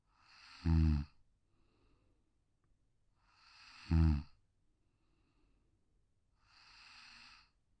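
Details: Royalty-free male snoring sound effect: realistic, detailed snoring of a sleeping adult man.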